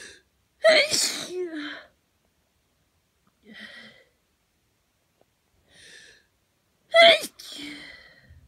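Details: Two loud explosive morning sneezes from a hay fever sufferer before taking antihistamines, each preceded by a sharp in-breath, with sniffs between; congested; repeated sneezing.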